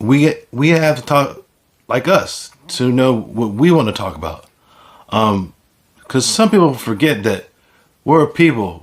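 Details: Speaker with aphasia caused by stroke; finding: aphasia.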